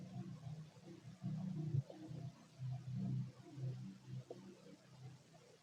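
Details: Fit male with an empty stomach: soft, low rumbling and gurgling bowel sounds with sparse activity; normal.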